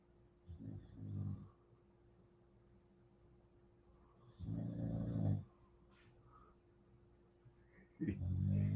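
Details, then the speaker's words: Sleeping dog snoring hard: low rumbling snores a few breaths apart, about 18 a minute, over a steady room hum. "know you can hear her snoring. She hitting it hard."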